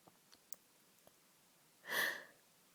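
A few faint clicks and sniffs, then a single sharp, hissing sneeze burst in a quiet room.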